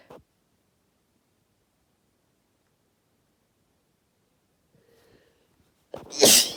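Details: (F) Deliberately induced sneeze: a quiet stretch with a faint breath, then one sharp, forceful sneeze.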